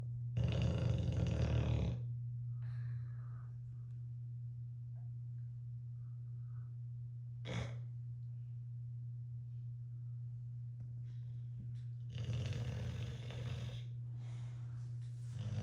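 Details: Someone sleeping snores with low, rough breaths separated by long pauses over a steady background hum; the snoring keeps the listener awake.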